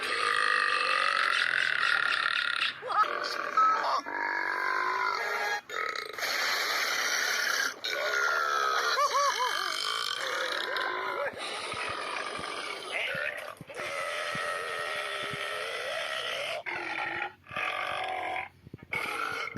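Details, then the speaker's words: A series of loud, drawn-out burps, some with a voiced, croaking tone, separated by brief pauses, amid spoken commentary; burping. "Wait, maybe it's just something I ate. Nope, definitely a bad feeling. Are those two things in the same sentence? Oops, excuse me."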